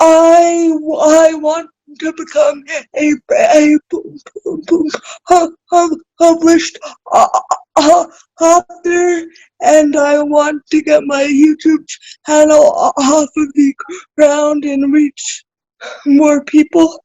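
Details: Adult woman with spastic cerebral palsy, a recent college graduate, speaking in a real podcast conversation; dysarthria due to cerebral palsy.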